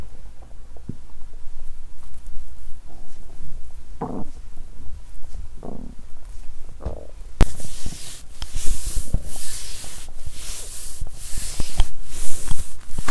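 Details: Stomach sounds after exercising on an empty stomach, which caused a feeling of being unwell; bowel sounds.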